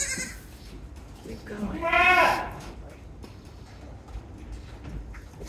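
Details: Goat doe in long, difficult labour with poorly positioned kids, pushing during a breech delivery being manually pulled (kid stillborn): single loud, strained bleat, quiet human voices behind; doe vocalizing during dystocia.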